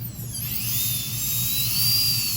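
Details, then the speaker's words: Steady high-pitched dental drill whine with a low hum, as intermittent cutting with the bur parallel to the crown's long axis goes down through deep caries into a primary molar's pulp chamber during pulpotomy, apparently on a demonstration tooth. "We keep the burr parallel to the long axis of the crown, and you do intermittent cutting. And please try to observe the sudden drop as I enter the pulp chamber."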